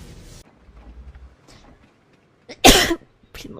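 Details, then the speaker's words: Woman, while gaming, says she needs to sneeze; quiet breathing, a brief catch of breath, then one loud explosive sneeze, followed by faint talk; a single sneeze. "не в тему чихнула и сейчас буду чихать Будь здорова заранее"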